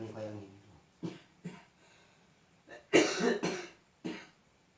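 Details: Adult receiving traditional massage/nerve-pressure therapy for cough with fever and chills; a few short, harsh coughs and throat clearing mixed with brief voiced sounds in a small room.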